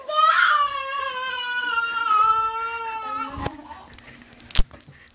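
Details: Single sustained infant wail with a clear falling pitch, followed by brief knocks and room noise; a crying baby.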